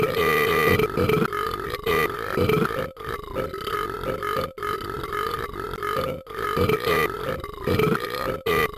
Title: Talking Ben's ultimate burping #animation #funny